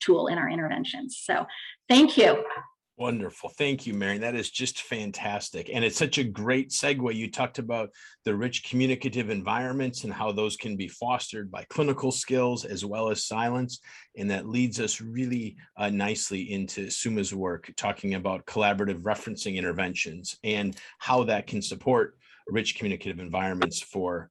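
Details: Adult male speaker; typical speech.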